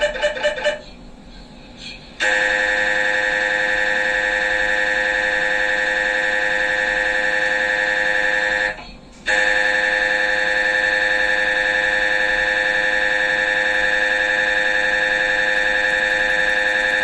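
Loud, steady buzzing tone from a scanner running, with a brief pause before it resumes; ordinary MRI operating noise.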